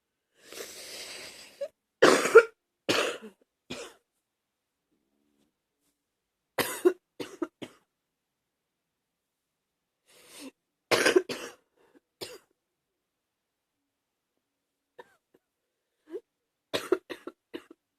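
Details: Adult on day 4 of a viral illness, virus now moving into the chest: several bouts of deep, harsh coughing with quiet pauses between; chest cough.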